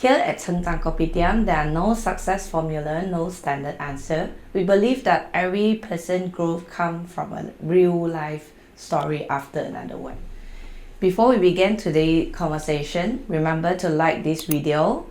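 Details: Adult female speaker; typical speech.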